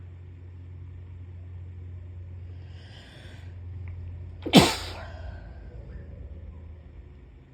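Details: A brief sniffing intake then one sharp sneeze over a low hum from a puppy with a cold.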